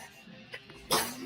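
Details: A baby boy sneezes while playing and babbling with his toys.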